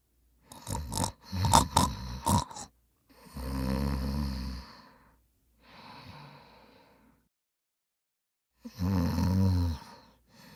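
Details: Loud heavy snoring: low, rattling snores on each in-breath, about three in ten seconds, with a softer breath out between them.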